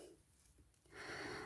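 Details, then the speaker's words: A pet dog sleeping and snoring in the background of a crochet tutorial: a quiet pause, then one soft, noisy snorting breath, a brief snore. "Tak, chrapie sobie mój piesek, takiemu to dobrze. Może sobie spać i chrapać."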